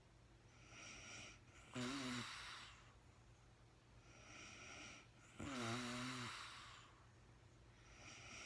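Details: Woman snoring in real-time overnight sleep: two loud rough snores on breathing in, quieter breaths out between, about 16 breaths a minute; ordinary sleep snoring.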